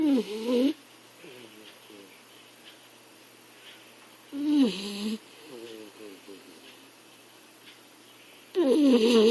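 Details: Appa asleep: loud rattling snores about every four seconds with quiet breathing between. Snoring.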